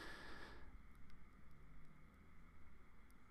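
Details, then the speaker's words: Brief loud suction hiss, then a quieter low rumble: endoscopic ear microsuction pulling deep impacted wax stuck to the eardrum into the suction tube, with the wax peeling away from the eardrum. "just hold the suction just away from the ear wax ever so slightly you can see it's starting to pull into the end of the section there"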